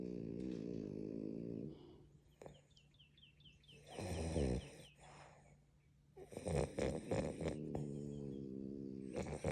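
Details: Loud, rough, rattling snores with buzzing vibration, broken by snorts and brief quieter pauses, from sleeping French Bulldogs (flat-faced breed), possibly dreaming; snoring.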